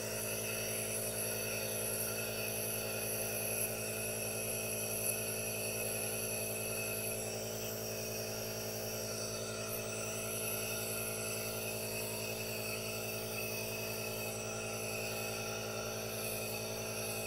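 Steady mechanical hum with a continuous hiss from a running nebulizer, unchanged throughout.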